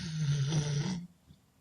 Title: Snoring and dreaming with happy ending. (Dog Labrador)